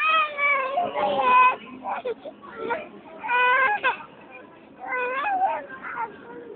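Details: Young child crying loudly in sobbing bursts with breaths between, adult voices nearby, after bumping their head and getting a bump (lump); crying.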